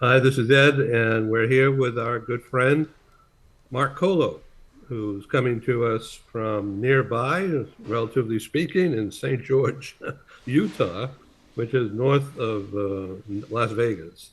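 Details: Adult man; Normal speech.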